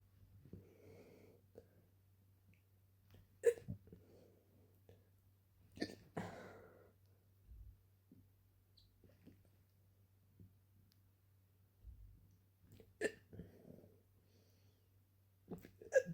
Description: I had just drunk a glass of water and went to sleep when I started hiccupping out of nowhere.